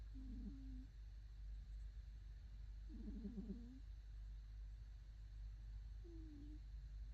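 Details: Pet cat Tinkle snores in deep sleep: soft, brief whistling and purring snores every few seconds over steady low room rumble.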